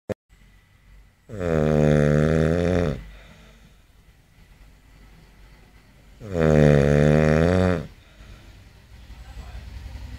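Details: Man snoring during sleep: two long, loud, rumbling snores on inspiration about four seconds apart, quiet breathing between; heavy snoring.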